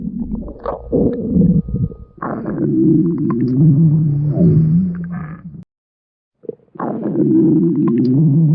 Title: What Is That Sound?? Part 2 (A Stomach Growl Video - Request)